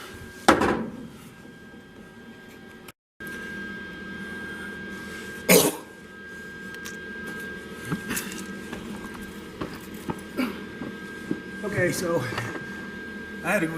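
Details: Two sharp, harsh coughs and lighter throat-clearing from an adult with a chronic cough due to respiratory issues, while welding with welding fumes and smoke, over steady room hum.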